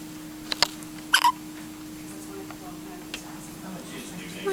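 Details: Smiling infant in the special care nursery (SCN) with hiccups: small sharp hiccup sounds, two close together and a fainter one later, over a steady hum of room equipment.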